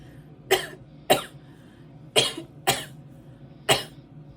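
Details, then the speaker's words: Adult in a voice-task recording deliberately coughs five times without covering the microphone. Each cough is a short, sharp burst, with quiet room hum between. Voluntary cough. "for the fifth task cough five times with without covering the"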